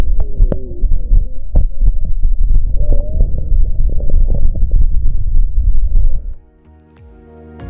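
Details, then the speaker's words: Real recording from a female patient with cystic fibrosis and hypoventilation: frequent coarse popping crackles mixed with short musical wheezes on auscultation. "en este ejemplo una paciente con fibrosis quística que cursa con hipoventilación presenta crujidos gruesos y sibilancias"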